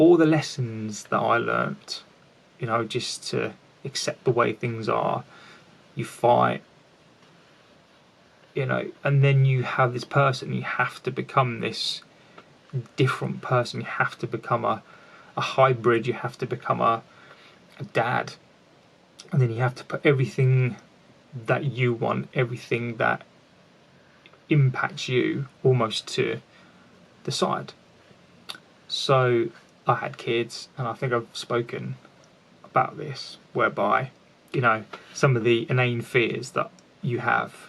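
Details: An adult man with a lifelong stammer, with repetitions heard; finding: stuttering (stammering).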